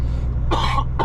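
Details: Cough from an adult male truck driver, sick for about five days with a croaky, wheezy throat and no mucus.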